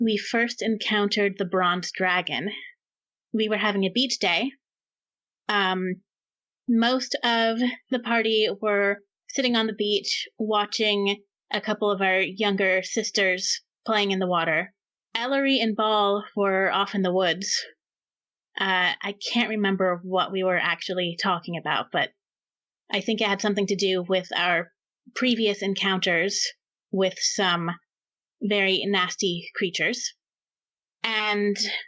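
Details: Adult woman speaking; ordinary speech.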